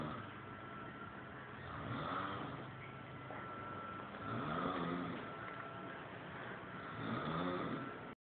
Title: Nashville snoring after a long night out